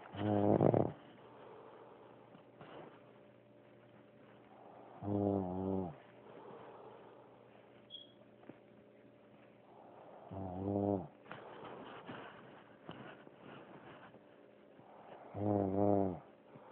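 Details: Four loud, low, rattling snores about five seconds apart, roughly 12 a minute, with quiet exhalations between them; heavy snoring.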